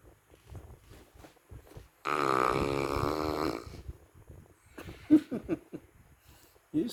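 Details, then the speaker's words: Dog snoring very loudly: one loud, harsh, rattling snore lasting about two seconds, with softer snuffling breaths around it in a quiet room. "snore. Precious. You snore so loud. Lakas mo humilik."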